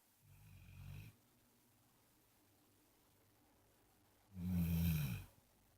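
Two low, rumbling snores in a quiet room, one about every four seconds: ordinary snoring in a sleeping dog.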